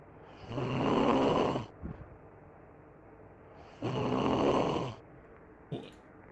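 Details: Loud, rough snoring, two long inhalations about a second each with quiet pauses between; played as a joke.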